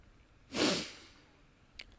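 A single forceful nasal snort lasting about half a second, followed by a faint click, in a small quiet room.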